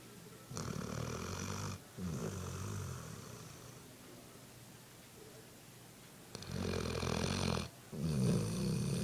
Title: my dog snoring...